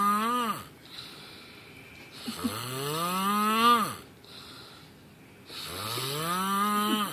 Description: If you snore like this, you should go see a doctor.